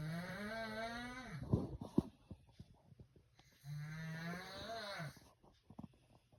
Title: How my snore sound like